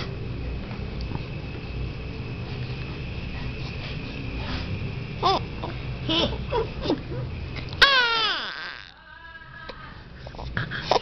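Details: Baby during a nappy change: fussing builds into a loud, high-pitched wailing cry near the end, with adult talk and faint music behind; infant cry.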